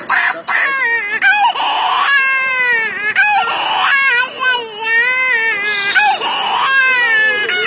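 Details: Infant crying: loud, sustained wailing in repeated bursts with brief catch-breaths between them, a vigorous baby cry.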